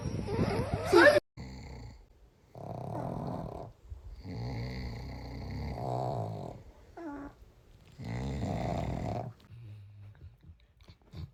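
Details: Loud, rough, drawn-out snoring bursts with a brief sharp noise at the start, from a sleeping pet; compilation of cats and dogs snoring.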